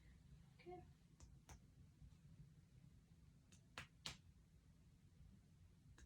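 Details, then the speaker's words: Adult patient in a head-to-toe assessment; examiner percusses the lungs at six levels on each side in a zigzag pattern: a few sharp, hollow taps giving a normal resonant lung percussion note, after clear lung sounds on auscultation. "So, that sounds nice and resonant. That's exactly what I wanted to hear."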